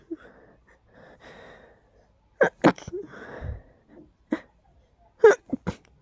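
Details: Allergies acting up: indrawn breaths then about five forceful, powerful, explosive sneezes in quick succession; sneezing.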